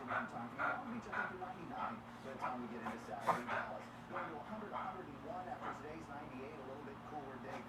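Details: Longer reverse sneezing episode in a beagle.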